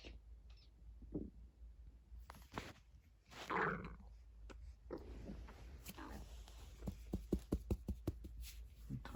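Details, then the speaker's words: Dog's stomach rumbling in the morning: gurgling, bubbling rumbles and a long low growl against a steady hum; loud borborygmi. "a big rumble."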